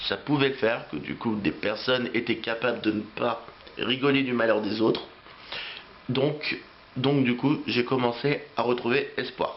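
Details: Adult French-speaking man who has stuttered since age three; repetitions of words and phrases heard; stuttering.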